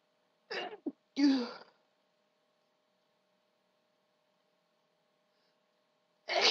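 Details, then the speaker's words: Female sneezing in a series after trying to stifle them: a breathy build-up and a loud, forceful sneeze burst, then silence, and a second sneeze starting at the end. "I'm sorry, I gotta let him out. They're just too big."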